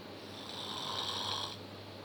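A single harsh, rattling snore on a breath in, over low room hum.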